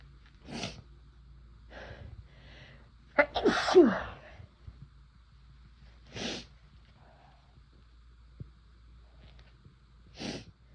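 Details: Using chhinkni sneezing powder for the first time: several short induced sneeze bursts with one strong voiced sneeze in the middle and sniffs between, in a quiet room.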